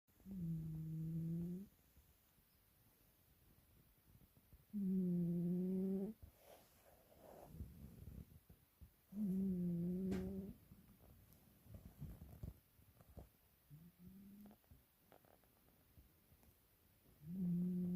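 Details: Buddy having a nap: regular low, droning snores on each breath, about 14 breaths a minute, with quiet exhalations between; snoring.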